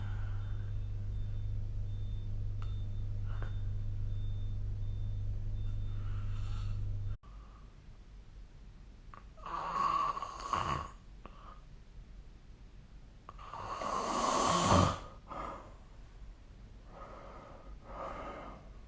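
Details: Loud, rough snores on the in-breath, rising and falling with slow sleep breathing, at first over a steady low room hum; ordinary snoring.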